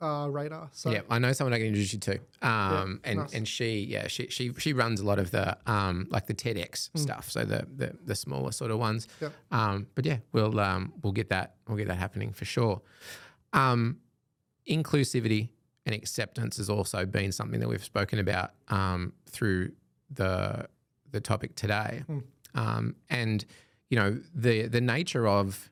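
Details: Adult male speaker; speech.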